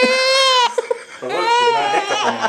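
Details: Infant girl who had hiccups, during a home hiccup remedy; hiccups briefly stop, then return. Loud, high, drawn-out wails with a short sobbing catch between them; infant crying.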